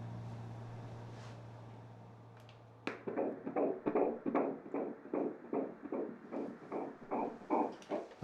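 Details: Rapid, regular whooshing pulses at about 150 a minute, a normal fetal heartbeat heard on ultrasound Doppler during a woman's obstetric ultrasound appointment.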